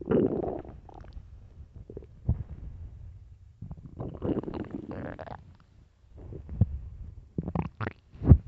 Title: extreamy loud empty deep stomach growls part 3